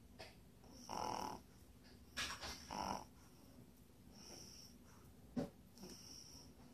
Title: puppy snores